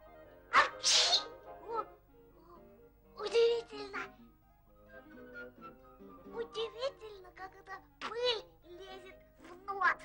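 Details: Sneezing by animated characters in a 1960 Soviet cartoon who sneeze from the dust they sweep: a sudden explosive noisy blast, then more bursts with voice sounds.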